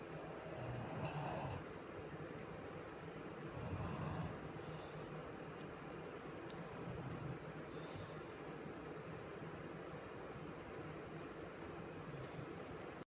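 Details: Young child snoring extremely loudly while asleep: loud, rough snores recurring every few seconds over steady background hiss.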